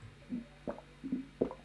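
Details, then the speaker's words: Four short, low, watery gurgles and squelches with quiet pauses, from an adult's belly that she says she can control by contracting it: stomach rumbling (borborygmi). "I'm not even lying, I swear to God that's my belly right now."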